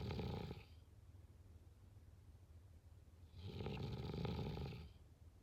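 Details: Snoring sounds.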